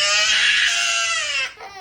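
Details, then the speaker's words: Baby boy cries to be taken into his mother's lap while his twin brother holds him, giving a single sustained, high-pitched tonal wail that tapers into a softer follow-on sound: infant crying. "বলছে আম্মুর কোলে যাওয়ার জন্য কান্না করতেছে।"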